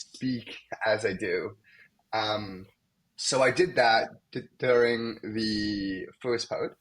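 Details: Young man, a medical student, who has stuttered most of his life, with blocks, especially on his name, and sound repetitions; stuttering.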